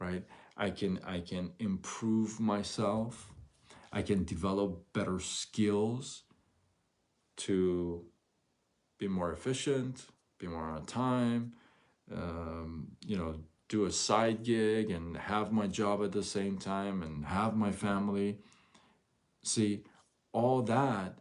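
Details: Adult male with stuttering noticed around age six; from ages 13 to 24 he could barely speak, with chin shaking and gasping for air; now stutters once in a while; word and phrase repetitions; stuttering.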